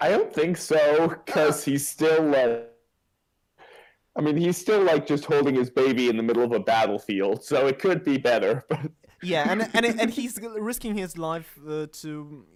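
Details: Adult male speaker; Typical speech.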